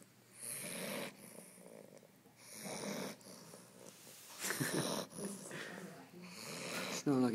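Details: Snoring: harsh, irregular rattling snores, about 26 per minute, with rough gurgling breath noise between them.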